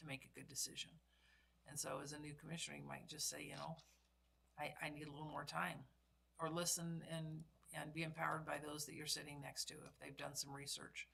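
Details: Adult speaker; normal speech.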